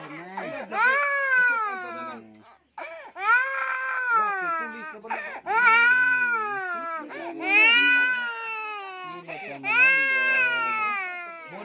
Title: crying baby😚